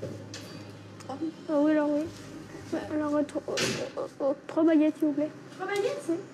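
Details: 11-year-old boy with severely disabling stuttering; speech therapy and child psychiatry did not help; attending a stuttering course; stuttering.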